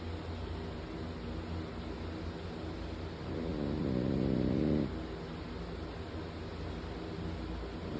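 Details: Snoring during sleep: a single low, rattling snore over steady room noise.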